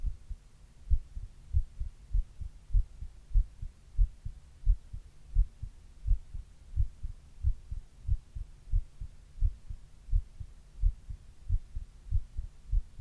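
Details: Adult's own heartbeat recorded over 28 minutes while reading, with a 102-degree fever during part of the recording: steady regular low thumps at about 90 beats a minute, ordinary heart sounds.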